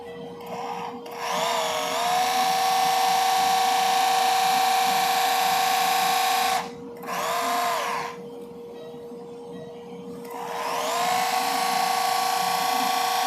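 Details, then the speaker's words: High steady surgical power drill whine rising to speed in three bursts over a constant hum, replacing a temporary fixation pin before repositioning the plate during TPLO on a small dog with cranial cruciate ligament rupture. "Yeah. I reckon I will reposition that plate. So I'm just replacing my temporary fixation pin."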